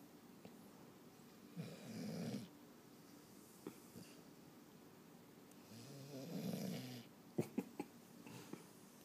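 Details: Sleeping dog snoring: two soft, rattly snores a few seconds apart over faint room noise, with a few small clicks.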